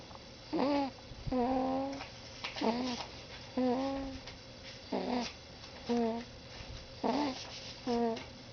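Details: A sleeping 5-week-old boy makes repeated short, squeaky, high-pitched snoring sounds at a steady breathing rhythm; infant snoring.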